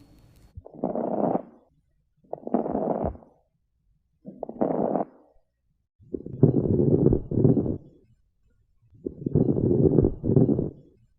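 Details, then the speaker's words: Fine then coarse crackles (crepitations) heard mainly on inspiration: short fine crackles, then coarser bubbling sounds from air passing through accumulated secretions. "ये inspire face of breathing में मिलती है gravitation fine ग्रेपीटेशन हो सकते हैं या फिर कोर्स ग्रेपीटेशंस हो सकते हैं"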